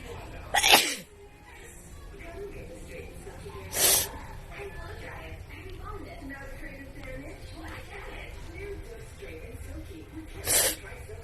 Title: Wide Nose Sneezes Philippines.